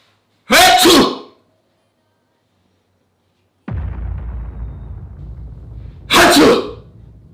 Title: Pretending to sneeze to see my baby’s reaction😂